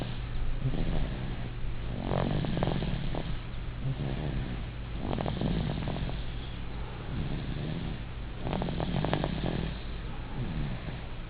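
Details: Alex, an 8-month-old baby, sleeping and snoring: soft, low, rattling snores with each breath, about three breaths in eleven seconds, over a steady background hum.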